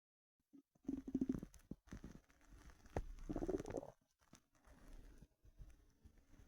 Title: empty stomach rumbling 4 hours hungry